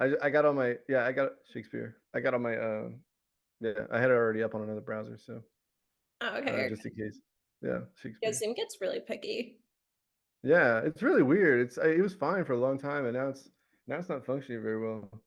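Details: Adult man with Tourette syndrome; recurring vocal tic of the word "Shakespeare" interjected into ordinary speech, plus other word tics and shouting tics; vocal tic.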